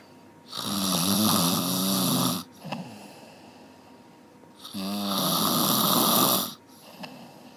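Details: Person snoring heavily: two long, loud, rattling snores on the in-breath, each about two seconds, separated by quieter out-breaths.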